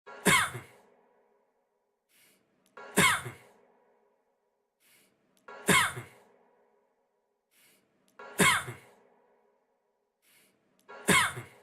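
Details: A single sharp, breathy adult cough repeated about every three seconds, five times, as a loop, with faint soft breaths between bursts.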